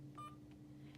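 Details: A single short electronic beep as a key is pressed on an Alaris infusion pump while setting up a channel during a nursing-student demonstration; a normal confirmation tone over quiet room hum.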